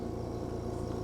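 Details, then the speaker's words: EverFlo Respironics oxygen concentrator switched on during technician training to confirm power and running: a steady low mechanical compressor hum with no alarms. "what we have to do now is to turn on the unit to make sure that we got the power is on and the unit is running."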